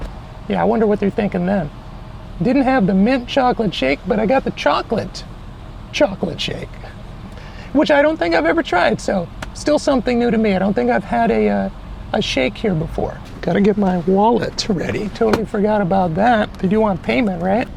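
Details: Adult man whose voice never changed after puberty, high falsetto since childhood, able to use a deeper voice only a minute or two, no voice therapy by choice; mutational falsetto (puberphonia).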